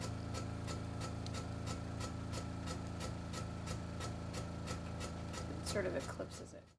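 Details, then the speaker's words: Steady rapid mechanical chugging with low hum as a cryoablation machine freezes a breast fibroadenoma during a live procedure on an awake patient under local anaesthetic, probe centred in the lesion under portable ultrasound guidance. "you're going to hear a lot of noises over here you're going to hear the machine turn on and then you're going to hear this kind of chug chugging noise"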